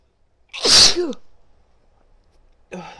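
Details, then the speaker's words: Adult female sneezing desperately: one loud, forceful sneeze with a sharp hissing burst and vocal 'choo'; sneeze. "Achoo! Achoo! Achoo! Achoo! Achoo! Oh, I gotta sneeze again."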